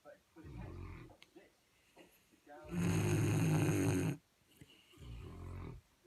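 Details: Deep, rumbling snores from two sleeping St Bernard dogs, one long loud snort among softer ones.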